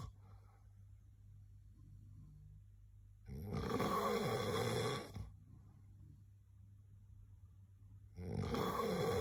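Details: Person recording their own sleep; two harsh, rattling snores about five seconds apart with quiet breathing between. Snoring.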